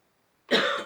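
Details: Single short, dry, acted cough from an adult just after waking in the morning, attributed to a dry throat after sleeping at midnight without drinking; a dry cough after brief silence.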